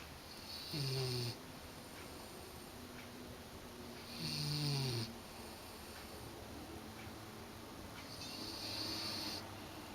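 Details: Small dog sleeping in, snoring: slow, regular low buzzing snores on each in-breath, about 16 a minute, quiet room.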